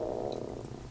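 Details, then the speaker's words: Audible stomach growling (borborygmi) from a young woman, noticed mid-talk while filming a makeup tutorial; she says her stomach is making noises. "Hopefully, y'all do not hear my stomach growling down there. Did y'all hear that? Oh my gosh."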